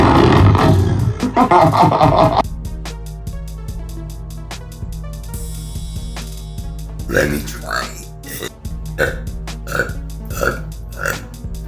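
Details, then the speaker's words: Girl burping: a series of low, rough, gulping burps over background music, after trying to bring up more; burping. "I'm just better at longer burps, I guess."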